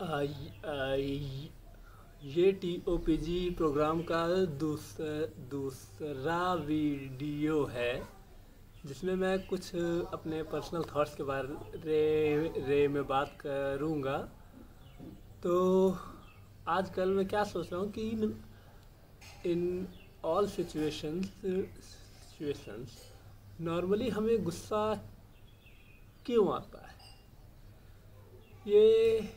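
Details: Adult male speaker; stammering.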